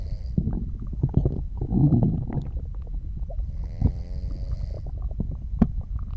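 Low gurgling rumbles and bubbly pops with brief squeaky tonal gurgles, consistent with ordinary bowel sounds of digestion.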